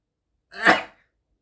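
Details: Single short, muffled sneeze from a K-pop idol (TXT) during a livestream, said to be from allergy; quick rising burst fading within half a second.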